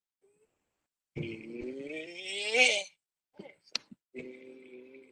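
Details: Patient after thyroplasty: vocal cords now vibrate and close completely with no gap; near-normal voice after thyroplasty.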